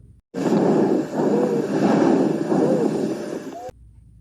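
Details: Wheeze played as a teaching example in a breath-sounds lesson: noisy breaths with brief, high, whistle-like musical sounds.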